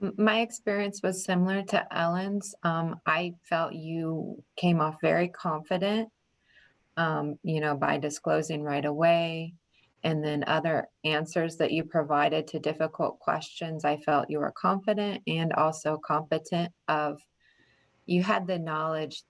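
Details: Adult woman; ordinary speech.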